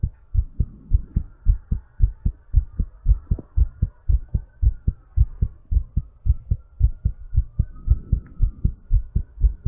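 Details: Heartbeat recorded during exercise recovery with breathplay, after an energy drink: fast, regular heartbeat of about 110 beats per minute.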